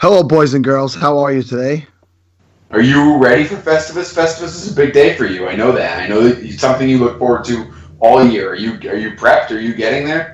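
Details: Adult male speaker; normal voice.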